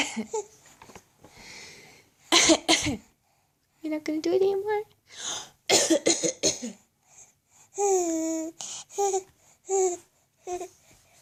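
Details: Short bursts of adult coughing alternate with the baby's high, voiced giggles and squeals as she laughs at the cough, in a small room.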